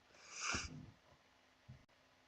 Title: pointless vids sneezing